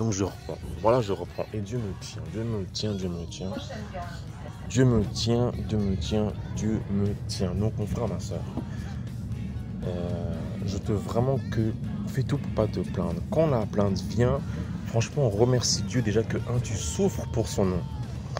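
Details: Adult speaking French who describes their own stutter as terrible and audible in their voice and attributes it to sorcery; stuttering.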